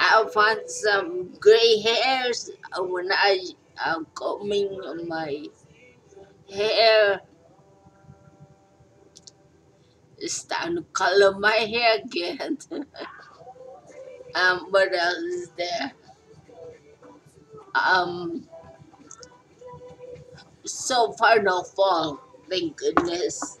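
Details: Stroke survivor talking informally, with fragmented, hesitant speech; post-stroke speech impairment.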